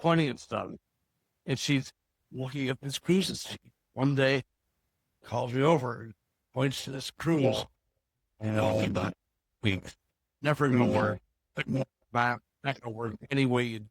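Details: Woman with Broca's aphasia and apraxia of speech after a stroke from a brain bleed nine years earlier, treated with brain surgery; Broca's aphasia with apraxia of speech.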